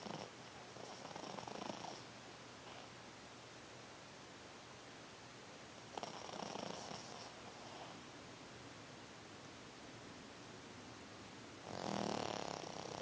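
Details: A small furry dog napping and snoring loudly, as she usually does: soft, rumbling breaths every few seconds against a steady hiss; dog snoring during sleep.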